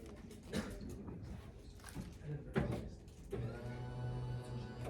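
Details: Low electric motor hum starting and running steadily amid soft room noise; an electric hospital bed being lowered after an open suctioning demonstration.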